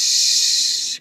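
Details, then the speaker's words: Imitation of tinnitus in a talk on hearing loss: a steady high-pitched hiss lasting about a second, like the hissing, insect-like ringing heard in tinnitus. "이명은 외부의 실제 소리가 얻음에도 귀나 머릿속에서 소리가 들는 현상입니다. 그러니까 대표적인 이명 소리는요. 삐 이런 소리. 그리고 윙 이런 소리."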